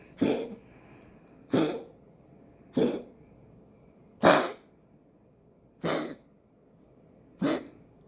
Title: Patches coughing